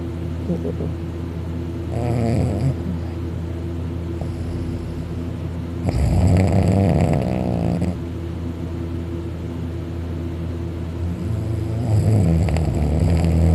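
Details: Male napping on a couch on his back, mouth open, drooling, eyebrows twitching: loud, rattling snores with a deep rumble, some higher-pitched, recurring with each breath over a low room hum.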